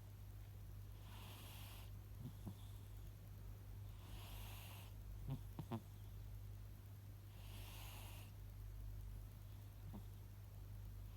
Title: Big black cat snoring. Long video.